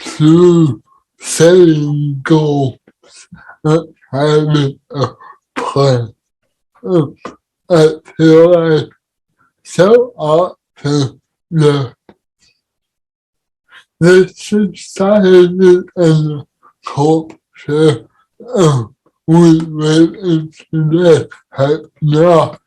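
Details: Dysarthria in an adult man with cerebral palsy, heard in real conversational speech.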